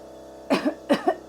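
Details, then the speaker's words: Simulated OSCE nasopharyngeal suctioning on a mannequin with a role-played patient: two short acted reflex coughs as the suction catheter enters the second nostril, before withdrawing 1 cm and applying suction. "so he started coughing. I'm going to withdraw for 1 centimetre and apply suction."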